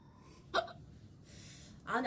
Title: cute korean girl coughing and hiccups